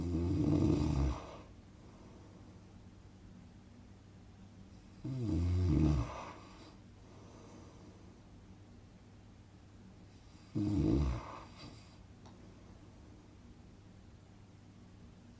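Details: Deep, low, rattling snores roughly every five seconds, about 12 a minute, with quiet breathing between; a snoring sound effect; snoring.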